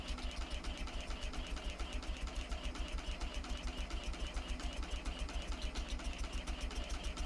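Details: Neonatal jet ventilator set up in tandem with a conventional ventilator, after self-test at rate 420 and PIP 20, not yet connected to the baby: steady, fast, regular mechanical pulsing with a humming whir.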